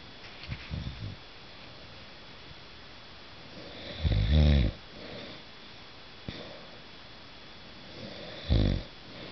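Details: Adult man recorded at night by his wife while sleeping: two loud, rough, rattling snores about four seconds apart with softer breaths between; snoring.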